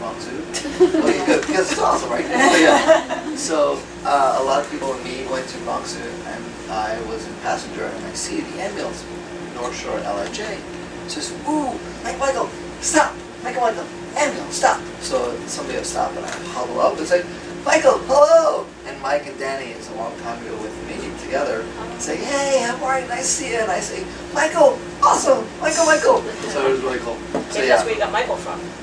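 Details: Male former paramedic with aphasia after a stroke in early 2014, which left his legs weak for about eight months before recovering; aphasia.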